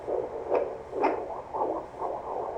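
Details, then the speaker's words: Fetal heartbeat on a home Mediana F10 fetal Doppler, found on first try with the mother sitting, 143 beats per minute: rapid, regular whooshing pulses. "I found her first try so she doesn't like me putting a lot of pressure on her but she's at 143 beats per minute so that's pretty cool"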